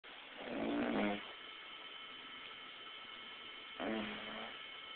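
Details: Person snoring: two rough, fluttering snores about three seconds apart, with a steady quiet hum between them; ordinary snoring.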